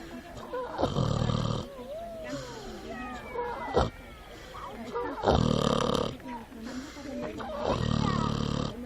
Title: Runaway pig found snoring in the woods